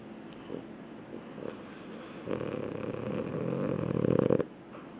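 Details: Sleeping dog with sleep barking: faint muffled huffs, then a long, loud, rumbling snore on inhalation. Loud snoring.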